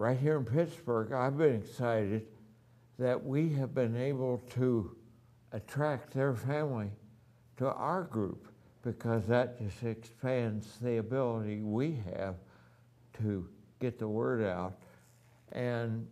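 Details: Adult man with ataxia, voice somewhat affected since the previous year, has had voice therapy, now wheelchair-bound with neuropathy in his hands; ataxic dysarthria.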